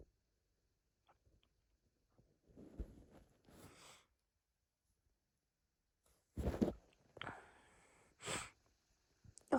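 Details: Hitchy sneeze fit from a female: catching, hitching inhalations followed by several sneezes in a quiet room.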